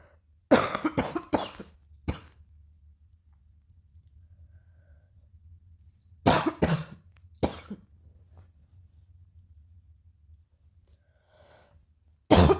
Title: coughing a little